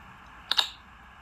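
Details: Hiccup in a female dachshund who can't get rid of her hiccups: one short, sharp, two-part hiccup sound in a quiet room.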